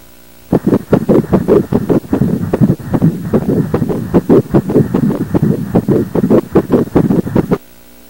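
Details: Embryonic heartbeat at 7 weeks of pregnancy, heard for the first time during an obstetric ultrasound visit: rapid, regular whooshing Doppler pulses at about 150 a minute.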